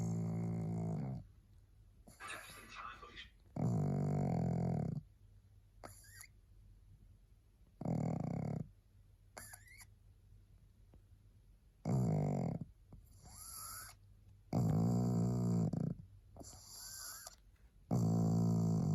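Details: Loud, rattling snores on each breath with quieter pauses between, about seven breaths in twenty seconds, from a tired, sleepy female pug.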